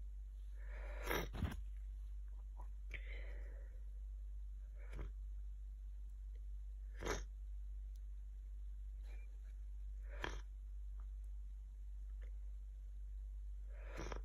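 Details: Person in bed with a head cold for two days: several short, explosive sneezes with sniffing and breathy noises in a quiet room.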